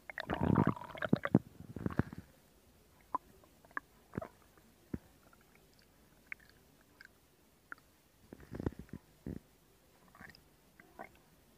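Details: Stomach growling recorded as ASMR: bursts of gurgling and scattered squelching clicks with quiet gaps, ordinary bowel sounds.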